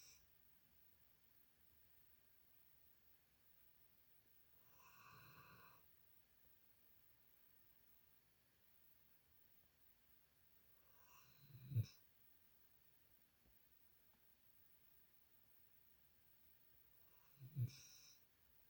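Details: A sleeping dog snores in a quiet room: three snoring breaths, the last two ending in sharp snorts, about 10 breaths a minute.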